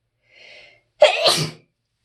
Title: rapid allergy sneezing